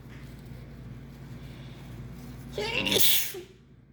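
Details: Sneezing in someone who thinks they caught the flu, with heavy nasal discharge and sneezing fits of up to 15 in a row: a quick indrawn breath, then a single loud, explosive, hissing sneeze.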